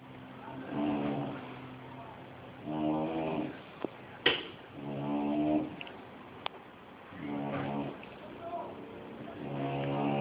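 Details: Sleeping bulldog snoring: loud rattling snores, about one breath every two seconds, each with a buzzing vibrating tone; louder than a person's snoring.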